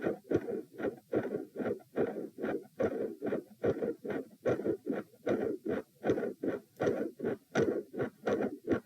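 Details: Midsystolic heart murmur, loud and bouncy, with 3 and 4 heart sounds, recorded at position p lying down during provoking manoeuvres: first attempt at an effective Valsalva, producing different sound patterns.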